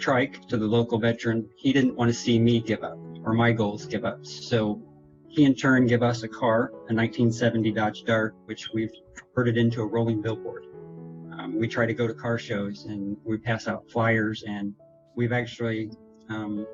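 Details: Adult man with multiple system atrophy, a progressive Parkinson-like disease affecting motor and autonomic function, diagnosed June 2017 after a blackout, with falls, hand problems and trouble getting speech out; dysarthria (multiple system atrophy).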